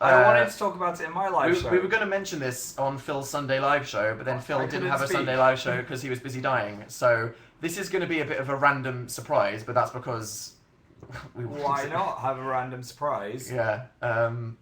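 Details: Adult male speaker; ordinary speech.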